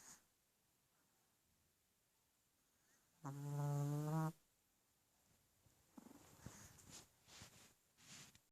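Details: Sleeping pet snoring: a single loud buzzy snore about a second long, followed by soft snuffling breaths.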